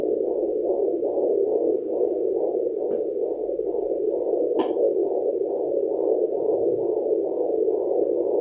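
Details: Steady, rhythmic whooshing pulses at about 135 a minute with a couple of handling clicks, heard through a home fetal Doppler at 34 weeks of pregnancy, body lotion used instead of gel, after a meal: normal fetal heartbeat.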